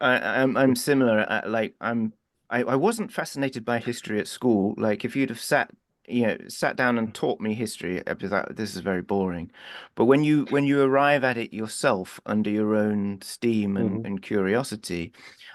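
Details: Adult man speaking; Typical speech.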